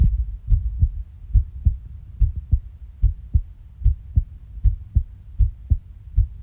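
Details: Steady paired low lub-dub thumps at about 72 beats a minute with a regular rhythm: heartbeat.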